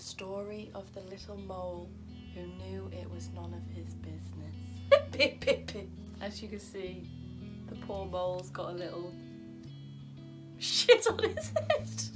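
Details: Vocal tics of Tourette syndrome in an adult woman, interrupting her reading aloud.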